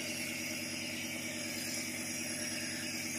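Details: Home nebulizer compressor machine running with vapour coming out of the mask, used for cough and breathing problems: steady mechanical hum and buzzing rattle.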